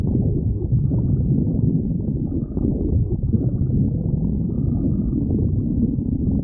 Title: Adobe GF stomach growling